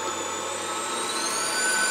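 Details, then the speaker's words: Homemade emergency CPAP prototype using a Dyson bladeless fan, not medically designed, fan turned up: a steady rushing whoosh with a faint whine rising as the fan speeds up, air flowing to a mask. "if we go up to nine or ten we're actually blowing too much air and now coming into the mask he's on high pressure around we can hear that flowing out from there"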